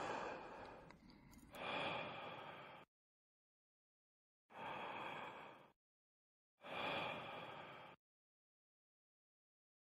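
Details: Peak expiratory flow measurement (forced expiration).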